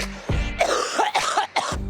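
A quick run of several harsh, forceful coughs from a young woman, with music playing in the background; a recurring chronic cough.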